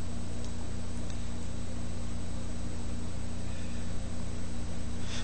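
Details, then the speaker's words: Steady low mechanical hum with faint rhythmic ticking as a Withings automatic upper-arm blood pressure cuff deflates at the end of an adult's reading; the reading was 137/93. "so it gives uh more accurate reading here we go it's releasing the pressure"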